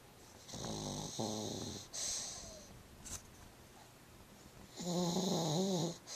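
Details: Sleeping female pug, rescued a week earlier underweight and dirty, now content: snorting, rumbling snores with a whistly hiss on the breaths; typical pug snoring.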